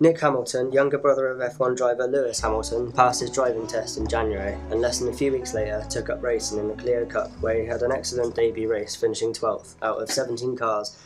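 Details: Adult male narrator; fluent speech.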